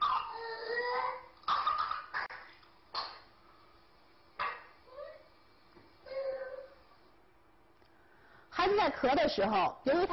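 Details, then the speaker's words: Child with whooping cough (pertussis), a teaching example: paroxysmal runs of short, rapid coughs without full inhalation, then forceful high-pitched drawn-in breaths, the rooster-crow whoop. "一旦发病的话，孩子非常痛苦，我们注意听他后边的鸡鸣样回声。"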